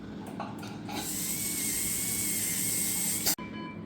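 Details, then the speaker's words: Dental polisher used on a dog (Maya) after scaling of heavy tartar with reddened gums: steady high-pitched motor whine of the polishing handpiece for a few seconds, then stopping. "Bu uygulamanın adı cilalama. Diş plaklarını temizledikten sonra cilalayarak daha uzun süre kalmasını sağlıyoruz."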